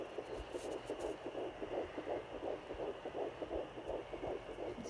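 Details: Fetal heartbeat on home Doppler at 10 weeks 4 days of pregnancy, found just below the belly button after several attempts as the baby kept moving: rapid, regular whooshing pulses, about 165 a minute, sounding healthy.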